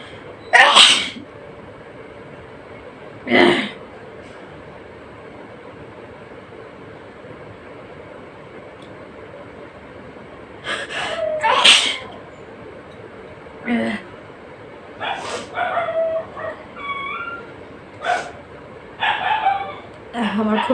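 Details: About eight sharp sneezes in bursts over a steady background hum, with some vocal sounds in between; sneezing in a nose-sneezing challenge.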